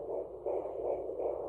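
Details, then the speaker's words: Home fetal Doppler (Sonoline B) at 14 weeks of pregnancy, lying with head and legs down. Fast, rhythmic whooshing fetal heartbeat about 150–157 per minute, with placental sound mixed in as the baby probably moves. "that is the baby you kind of hear the placenta in the background nope it's all getting missed together because the baby's probably moving but that is what the baby sounds like"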